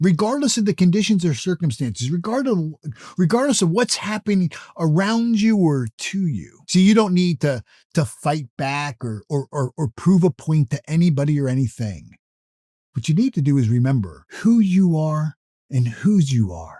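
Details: Adult male who self-reports that he stutters or stammers, with repeated words in his speech; stuttering.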